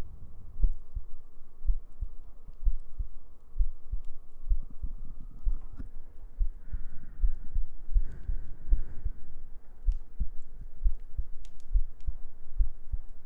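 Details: ASMR sleep aid in a girlfriend cuddling roleplay: steady, regular low heartbeat thumps at about 60 a minute under soft humming and a steady hum, with faint gentle breathing; normal rhythm.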